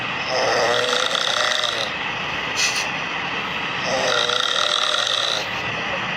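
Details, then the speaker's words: Snoring in which listeners say two snorers seem audible at once, though it is said to be from a single video; snoring. "Suara ngoroknya ada 2 orang loh, keren"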